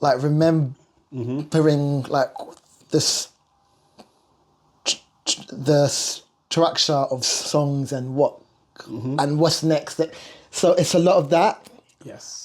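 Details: Stuttering (stammer) in an adult male singer and vocal producer who has lived with it.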